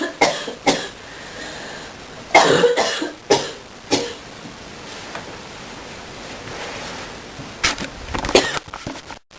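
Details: Deep coughing fit: repeated harsh, deep coughs in bursts over several seconds, with some room noise between.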